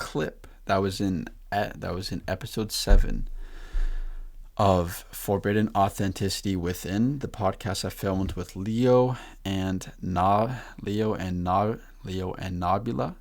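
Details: Male podcast host who stutters; repeated words and phrases; stuttering.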